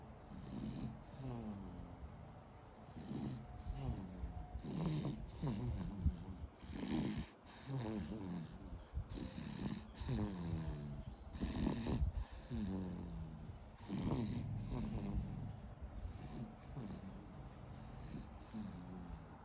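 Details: Baby falling asleep, snoring softly during sleep: repeated short, rough, fluttering breaths in a steady rhythm of about two seconds.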